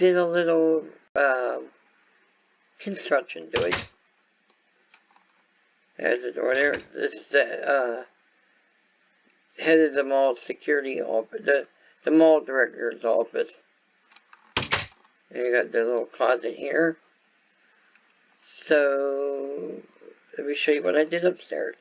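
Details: Acquired speech impairment in an adult man caused by viral meningitis with a very high fever at about six weeks old, which also affected his walking, eyesight and hearing.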